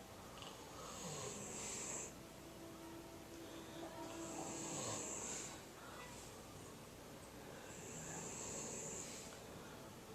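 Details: A pair napping together: soft, wheezy whistling snores about every three seconds, partly masked by steady background hiss; snoring.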